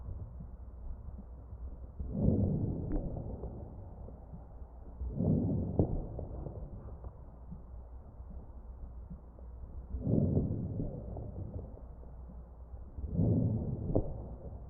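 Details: Crackles heard over the chest of a real mechanically ventilated patient.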